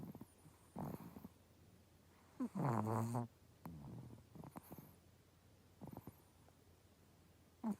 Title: Chihuahua snoring